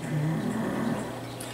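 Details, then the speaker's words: Snoring: a single low, rumbling snore fading after about a second from an overweight dog lying below the camera, awaiting surgery to remove a baseball-sized tumor. "time I go to blog he legs down below the camera and snores or eats I said he needs a CPAP do they make those for dogs"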